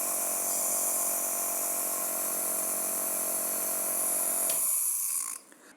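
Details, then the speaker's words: Medtech Nebulizer Smart compressor switched on during a product demo while sitting on a table: steady buzzing hum, with a faint rattle from table vibration adding noise, then it switches off. "काफी बड़े तरीके से ही machine यहां पे कम कर रही है और उसकी नॉइस भी काफी एक कम है"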